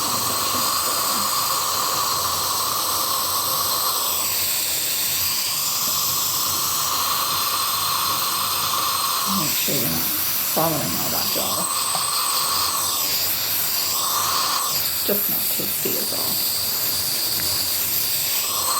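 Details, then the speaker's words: Simulated ASMR role-play of numbing before periodontal deep cleaning: steady hissing dental suction with gurgling slurps over room noise while gauze is held in place; dental suction. "yep I'm going to go ahead and section for you"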